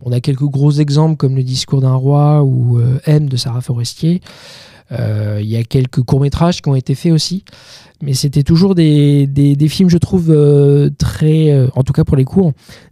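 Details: 31-year-old man with stuttering that he says is now mild after working on it a lot; stuttering.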